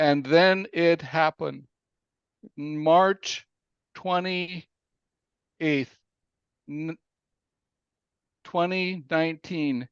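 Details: Aphasia in an adult man following a stroke in April 2019 that came after a cardiac arrest; aphasia.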